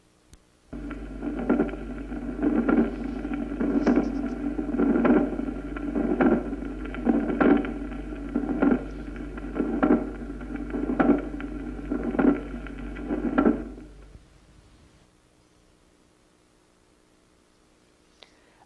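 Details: Late systolic click.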